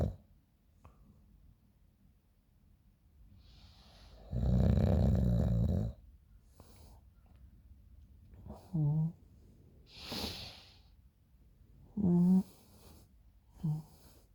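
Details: Person snoring in the morning, recorded by a friend: several loud, rough, vibrating snoring inhalations separated by quiet stretches in a small room.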